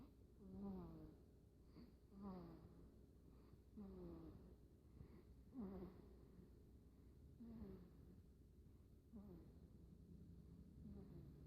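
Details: A sleeping 3½-week-old baby makes soft, squeaky snoring sounds with each breath, at about 37 breaths a minute; infant snoring.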